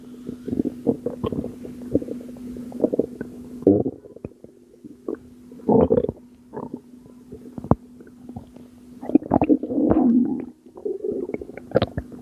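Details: Bowel sounds recorded from a postpartum mother's abdomen at 2am, about two months after birth, stomach still not going down: repeated bubbling gurgles and squelching rumbles over a steady low hum; stomach rumbling.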